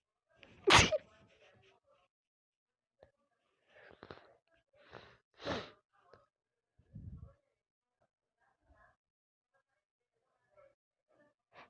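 One loud explosive sneeze followed by several smaller sneeze-like bursts and breaths; a run of repeated sneezes.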